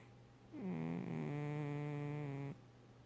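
One long, steady droning breath sound lasting about two seconds; snoring from a sleeping cat.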